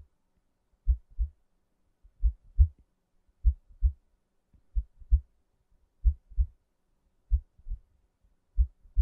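Clear paired low thumps against silence, about 47 beats a minute, slow and even; a heartbeat.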